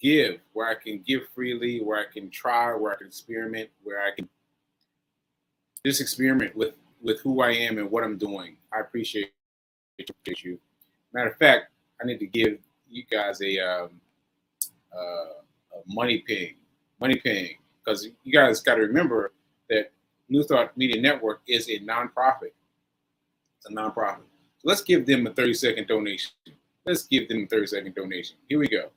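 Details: Adult man with aphasia after a stroke on 7/14/22, recorded 7/4/23 while still recovering and saying he sometimes needs extra help; aphasia.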